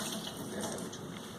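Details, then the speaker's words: Steady hissing air-water syringe spray: a 10-second rinse of a mannequin tooth after etching during a dental sealant placement demo, with cotton-roll isolation. "Okay, so now I'm going to go rinse again. Rinse for 10 seconds."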